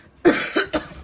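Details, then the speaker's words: One short cough of three quick bursts from an adult caring for pet guinea pigs, which are frightened by the coughing, with mild room noise; cough. "i'm sorry every time i cough they're afraid and of course they are they're not used to that"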